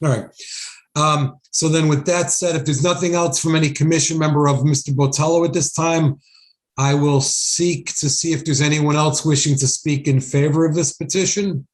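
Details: Adult male speaker; normal speech.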